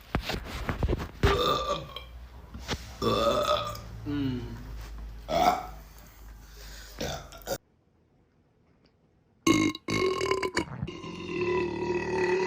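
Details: Compilation of boys burping: a series of long, loud, voiced burps with short pauses between them, amid laughter and throat-clearing; ordinary belching.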